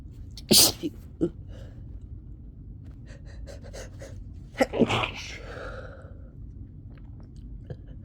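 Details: Two loud, explosive sneezes with sharp intakes of breath and sniffling between them, from a person with a summer cold who could not stop sneezing, at its worst.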